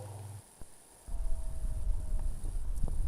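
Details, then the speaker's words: Teaching demonstration of added continuous lung sounds: low-pitched, continuous rumbling rhonchi, graver than wheezes, produced by airway narrowing from secretions. "las sibilancias se escuchan de esta forma las civil ancias se escuchan de esta forma los roncos así"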